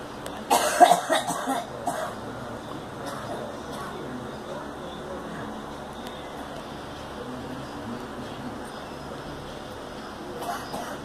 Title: Girl coughing